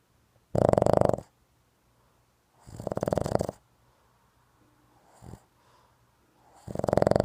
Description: doing what he does best....snoring!